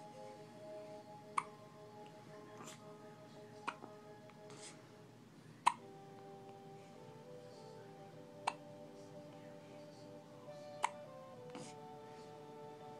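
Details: Five sharp hiccups, roughly every two to three seconds, over soft background music; hiccups.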